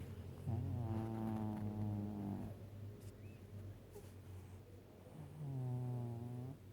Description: My cat Kiiro (5 years old) sleeping and snoring over my stomach.